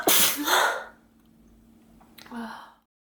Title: Gamer girl sneezing before playing LoL